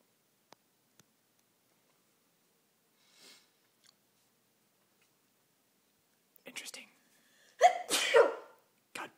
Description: My sister sneezing.